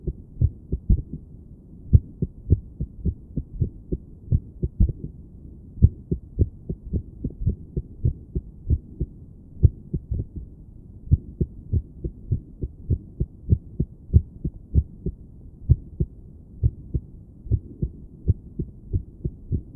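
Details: Woman sitting on her bed auscultating her own heart with a stethoscope: low, dull thumps with uneven spacing, an irregular rhythm that briefly steadies. Irregular heartbeat.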